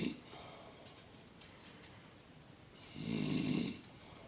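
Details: Rough snoring from a sleeping man (dad): a low rattling breath builds and fades as a single snore over a quiet background.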